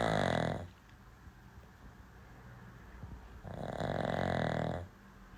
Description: Watch this adorable white dog enjoy a peaceful nap on a comfy pillow. This sleepy pup is snoring so loudly!